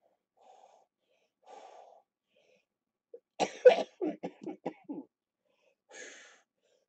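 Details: Productive cough in a patient with cystic fibrosis during lower-lobe chest therapy for airway clearance, with rattling in the chest.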